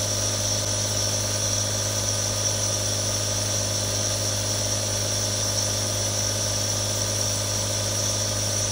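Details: Real nebulizer running for relaxation: a steady, unbroken mechanical hum with a constant airy hiss and a faint high whine, the continuous sound of a compressor nebulizer running.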